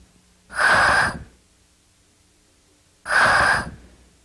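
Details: Velar fricative produced in isolation twice as an example of a cleft palate misarticulation; velar fricative.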